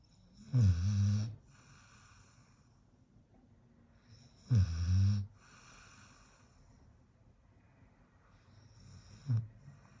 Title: European Doberman Puppy Snores Like A Big Man 🤣 Funny Video. #shorts